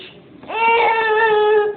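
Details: A single sustained, rising-then-steady cry of about one second from a baby with hiccups, in a small room; infant cry.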